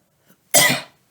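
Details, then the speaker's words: Simulated patient (demonstrator's daughter) in a nursing airway clearance demo: a faint breath, then one forceful, open, breathy cough burst after breathing exercises to bring mucus out of the lungs; huff cough. "a big cough on that that's the concept behind them oh sorry behind the half coughing when they breathe out so we're helping them to optimize that"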